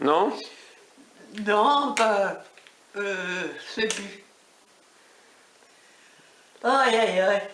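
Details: 87-year-old woman with aphasia after a stroke at age 80; she understands speech but has difficulty finding words to answer, and sometimes says yes when she means no; post-stroke aphasia.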